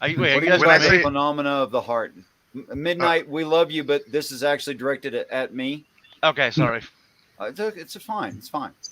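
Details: Adult male speaker; typical speech.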